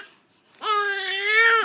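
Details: Infant during bath with soap being applied: after a brief pause, one sustained, loud, high-pitched wail begins abruptly, a steady strong cry with faint room noise; infant crying.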